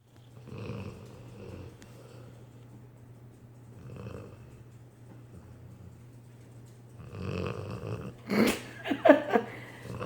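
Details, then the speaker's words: A sleeping dog, described as a bull, gives soft, irregular snorting breaths over a steady low room hum, then a brief louder shuffle; loud snoring. "Bastion wake up buddy you're snoring so loud boo a sleepy face wake up boo go lay down in your bed"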